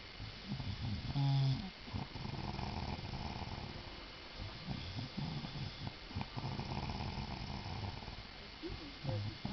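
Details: Very loud snoring: low rattling breathing sounds through most of the clip, with a brief louder grunt near the start.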